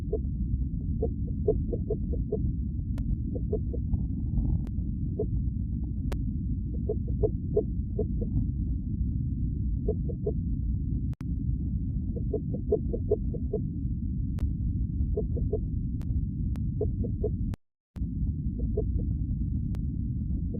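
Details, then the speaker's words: Fetal heartbeat on Doppler during pregnancy: fast, regular whooshing pulses over heavy Doppler hiss, consistent with a normal fetal heartbeat. "so let me just let y'all hear the baby heartbeat"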